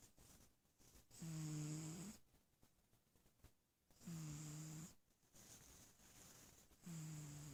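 Slow, regular low snores on each breath, about 20 breaths a minute, with a soft buzzing tone. Snoring in a sleeping cat.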